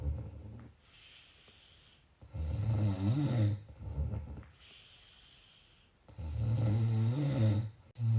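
Loud, low rattling snores on each breath in, with quiet breaths out between, about 15 breaths a minute; snoring.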